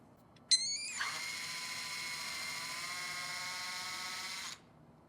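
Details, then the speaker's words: Intramedullary fixation of a metacarpal fracture: a powered drill reams over a guide pin through the isthmus to the metacarpal base, with a steady high-pitched motor whine for about four seconds; surgical drill reaming bone. "as we drill again we're going to be drilling right through the entire length of the ismus right down to metacarpal base making sure that you don't penetrate the base of the"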